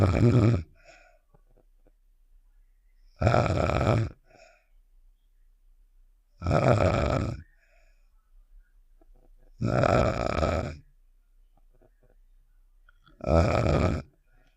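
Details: Sound effect of the character Star snoring (Save The Shapes), simulated: five rough, grunting snores, about 18 a minute, separated by near silence.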